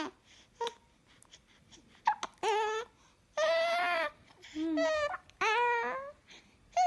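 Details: A 1-week-old newborn, described as scared of hiccups, gives short bursts of high-pitched crying and whimpers with quiet pauses in a small room; infant cry.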